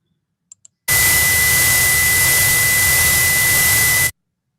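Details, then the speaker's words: Simulated tinnitus: a steady high-pitched ring over loud hiss for about three seconds. The condition affects about 360 million people worldwide, is heard constantly 24 hours a day, and is often related to hearing loss. "Uh tinitus is a condition that is affecting uh about 360 millions of uh people worldwide and it sounds something like this"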